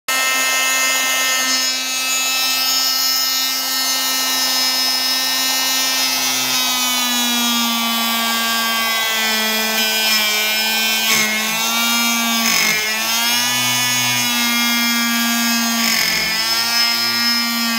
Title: Cast Saw To Prosthetic Socket